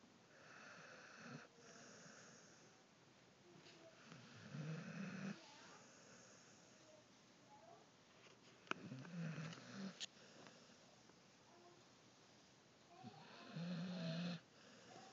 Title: Snoring Dog